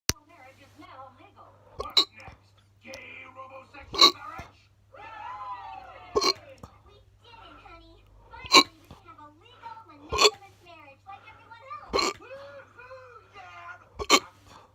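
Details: Very fast, non-induced hiccups: sharp, abrupt hiccups about every two seconds, roughly 28 a minute, between soft vocal sounds in a quiet room.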